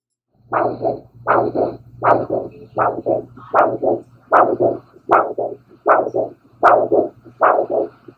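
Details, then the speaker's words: Spectral Doppler point-of-care ultrasound arterial signal: regular pulsed whooshes, each beat split into two distinct phases, a biphasic arterial flow waveform. "Now, let's turn our attention to a bifphasic form. So, with this one, we should hear two distinct phases."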